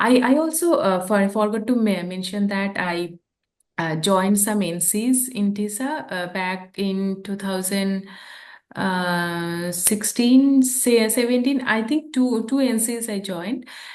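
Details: Stammering in an adult woman who stammers since childhood, translating a poem into English.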